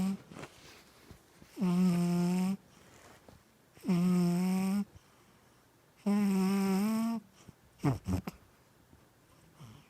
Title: Snoring & dreaming #2